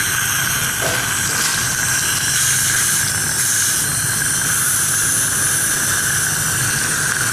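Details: Tooth preparation (abutment grinding) using a gingival protector for a cosmetic restoration: steady high-pitched whine with hiss from a high-speed dental drill.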